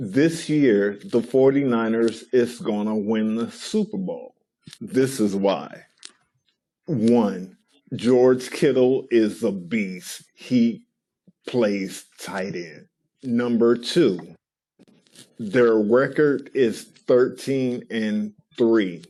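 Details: Adult man with aphasia, a regular member of an aphasia rehabilitation centre, presenting a filmed news segment; aphasia.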